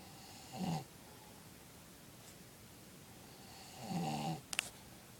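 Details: Father snoring at bedtime: two soft fluttering snores a few seconds apart over steady room hiss, ending with a faint click; snoring.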